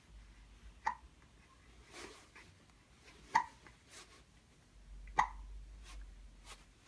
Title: 1 month 19 days - cute hiccups while we are watching an elephant